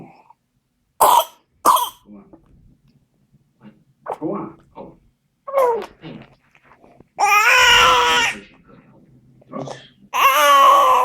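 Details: A 7-week-old baby's sharp coughs, then long strained high-pitched drawn-out sounds, with quiet adult voices nearby; whooping cough (pertussis) fit.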